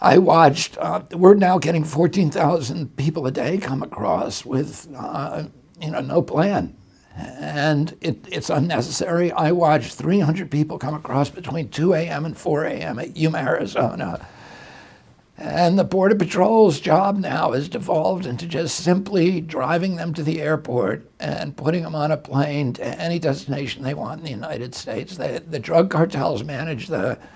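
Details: Adult male with spasmodic dysphonia, onset in 1996 at age 42 after a neurological injury; he attributes it to his brain sending wrong signals to his vocal cords, and says his voice was very strong before onset.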